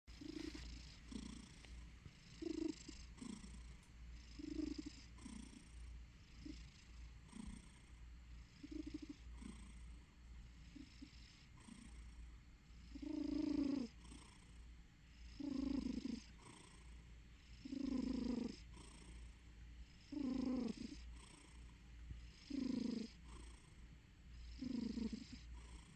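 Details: Sleeping cat with a soft rhythmic purr building into louder snore-like rumbles on each breath: snoring/purring during sleep.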